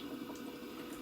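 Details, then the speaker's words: Bubble CPAP water-chamber bubbling during an equipment demonstration: steady soft gurgling after switching to a RAM cannula interface; tubing resistance causes bubbling and a 5.3 CPAP reading though the cannula isn't attached to the baby. "there is some resistance within that tubing that is causing it to bubble"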